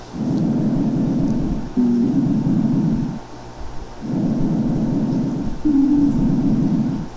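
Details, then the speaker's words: Hollow, low-pitched blowing breath sounds with jug-like resonance: amphoric breathing, as over empty cavities in resolving tuberculosis without abscesses. "botella y se genera un sonido de que anna lógicamente se parece mucho a este soplón fólico de pacientes con tuberculosis en etapa de resolución que ya no tiene abscesos ya las cavernas están huecas"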